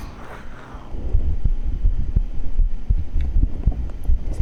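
Steady, regular low heartbeat thumps at about 80 beats a minute, with a brief voice at the end.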